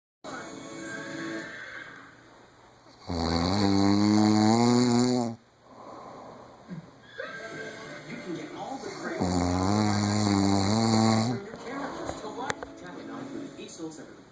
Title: Yes honey you snore - this isn't even the loudest